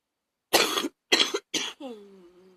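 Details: Rough coughing fit with bronchitis: three short, harsh cough bursts in quick succession, followed by a brief voiced trailing sound.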